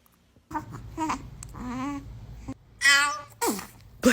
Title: Baby sneeze 🤧 #funny #cute #cutebaby